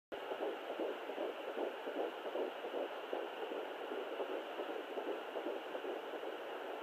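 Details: Fetal heartbeat at 12 weeks on a Sonoline fetal Doppler, possibly twins; fast, regular whooshing pulses around 150 beats a minute.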